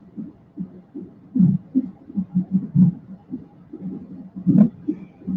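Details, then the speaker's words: Fetal Doppler monitor heartbeat heard in the background: rapid, rhythmic whooshing thumps with distortion as a nurse or midwife adjusts the probe to pick up the heartbeats. "girl a condo p says i hear that fetal monitor in the background yeah it's it's real in the field out here man hey i probably heard the nurse coming in the midwife coming in and trying to adjust it so they can get those heartbeats"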